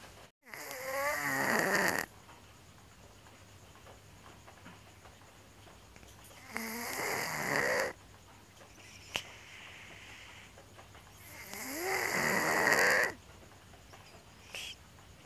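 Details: A sleeping cat snoring with an odd sound: three long, raspy, whistling snores about every five seconds, with a squeaky rising tone on each breath; snoring.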